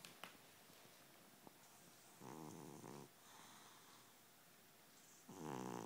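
Soft rattling snores from a sleeping pet, about three in six seconds, over quiet room noise.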